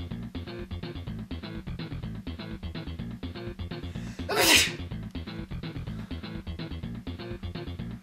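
One loud, explosive sneeze over steady background music with a beat. Sneezing.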